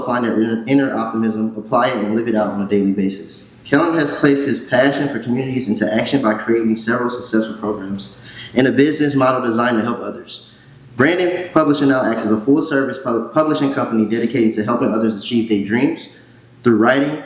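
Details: Adult male speaker; ordinary speech.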